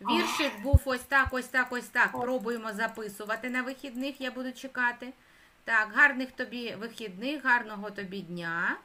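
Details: Adult woman (speech therapist); typical speech.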